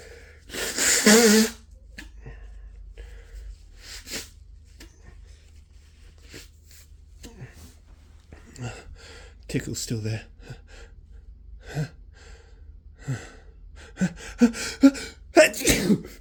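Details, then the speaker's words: Adult with the flu sneezing: a loud sneeze, then sniffles, breathy noises and several smaller sneeze-like bursts, feeling another big sneezing fit coming; sneezing fit. "I feel another sneeze I really really have to sneeze"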